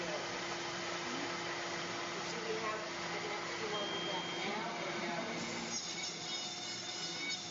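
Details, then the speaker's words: Dental dry mill milling zirconia with internal vacuum extraction: continuous whirring hum with a steady rushing noise. "so this is called a dry Mill and it's being evacuated the whole time it's got a like a vacuum cleaner inside to capture all the bits and pieces"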